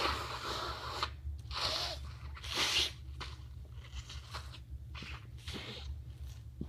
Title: Congested sniffle and nose blow